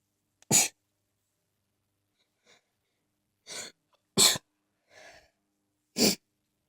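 Three loud, sharp sneezes, each with a faint breath drawn in beforehand, in a quiet room: a sneezing fit.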